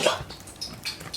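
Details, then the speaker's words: A sneeze heard in a kitchen while oil heats during cooking; sneeze. "and that was the sound of sneezing"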